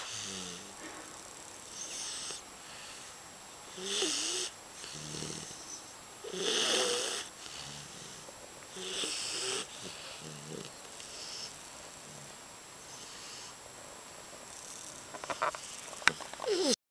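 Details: 4-month-old English Bulldog snoring loudly: repeated wheezy, whistling snores with snorting breaths about every two to three seconds, ending with some handling noise.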